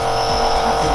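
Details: Steam nebulizer therapy for a child with cough and cold, demonstrated in a campus nursing lab and given for about 15 minutes: steady mechanical hum and buzz of the small nebulizer compressor running throughout.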